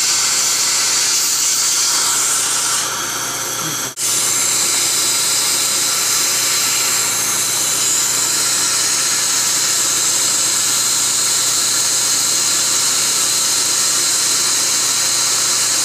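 Loud continuous high-pitched hiss and whine of dental equipment running, with a brief pause, during root canal treatment.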